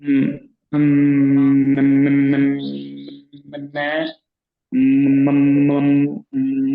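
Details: Man who stammers, in a stammering self-help group, practising voluntary stammering; sound repetitions are audible; stuttering.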